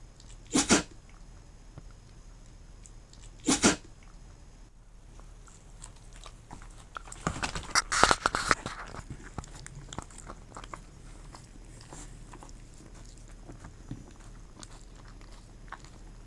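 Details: Pet (dog/cat, Corgi household) sneezing twice sharply while eating a treat, followed by quiet chewing noises.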